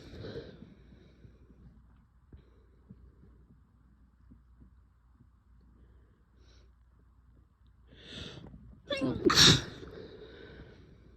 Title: strong sick sneezes + nose blows